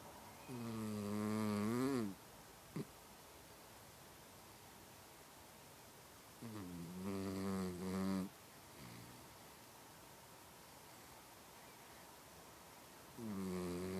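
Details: Sleeping mouse: slow, rough, buzzing snores on each breath in, about ten a minute, with quiet pauses between; ordinary snoring.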